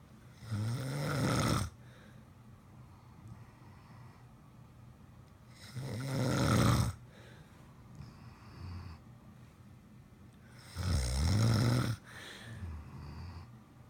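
Loud, rattling snores on each inhalation, about three in 14 seconds with a softer sound between them; ordinary heavy snoring.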